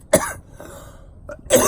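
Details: Two harsh, forceful, deep wet-sounding coughs separated by a brief pause with a small catch, during uncontrollable coughing in a flu-like illness, possibly a virus.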